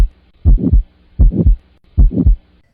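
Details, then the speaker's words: Aortic stenosis, heart at about 80 per minute: rough crescendo-decrescendo systolic ejection murmur between S1 and S2, loudest in the aortic area, radiating to the carotids, possibly preceded by an ejection click. "aortic stenosis murmur is loudest in the aortic area and the sound radiates to the cored arteries in the neck following the direction of blood flow"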